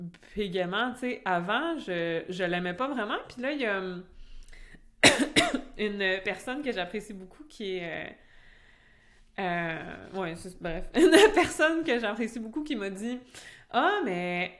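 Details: Stuttering in an adult woman who stutters, speaking French, with a repeated phrase.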